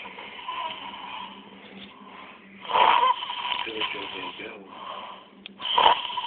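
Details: Whistling, tonal breathing with louder rattling bursts on some breaths, in a quiet room; snoring with a whistling edge.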